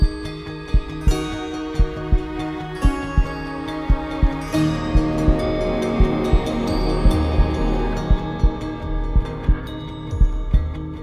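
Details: Heartbeat sound effect within an epic music mix: soft, regular low thumps about 57 a minute under loud orchestral music, slow-normal rate; heartbeat.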